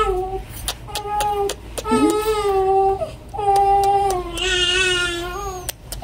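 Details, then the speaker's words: A baby girl crying in long, tonal wails with brief catch-breaths between them, in a small room: infant crying. "अभी अफसोस हुआ हुआ है कि बच्ची रो रही है"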